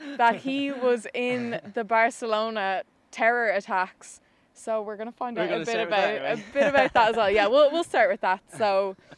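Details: Adult woman speaking; typical speech.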